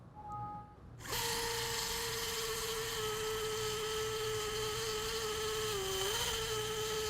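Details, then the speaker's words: Powered drill boring quadricortically through clavicle and coracoid under fluoroscopic guidance during knotless acute acromioclavicular separation repair; steady high-pitched motor whine with a brief pitch dip as it works through bone. "goes the first cortex there goes the second cortex and now I can bounce I'm bouncing on the base of the coracoid and we're going to follow that through there goes the third cortex and there goes the fourth cortex"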